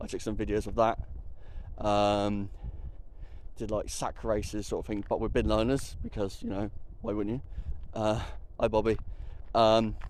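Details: Adult attending a Tourette's camp, with an interjected phrase that appears to be a vocal tic; vocal tic (Tourette syndrome)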